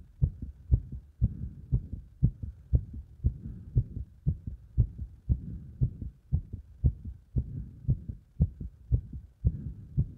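Strong, regular heartbeat of about 118 beats a minute, a fast rate consistent with heart sounds recorded during exercise.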